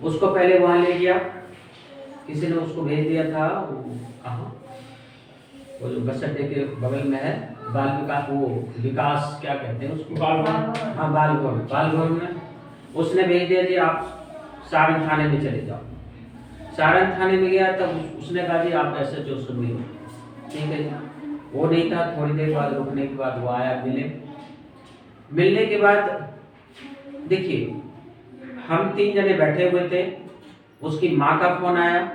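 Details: Adult male speaker; normal speech.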